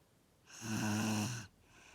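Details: A sleeper snoring "like a pig": a single loud, buzzy, steady-pitched snore lasting about a second, with quiet room noise before and after.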